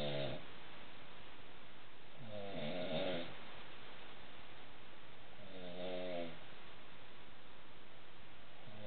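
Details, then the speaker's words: Wife who began snoring only in the last week, recorded asleep around 12:10 at night: loud, low, rattling snores on each breath in, about three in under ten seconds, over steady room hum; heavy snoring. "this video is to prove cuanda doesn't believe she sounds like a damn bear when she's sleeping but this is what it sounds like"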